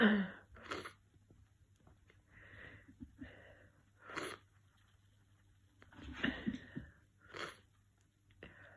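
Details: Congested allergy sneezing after an hour of sneezing while cat sitting: about five sneezes with snuffly, blocked-nose breaths between them.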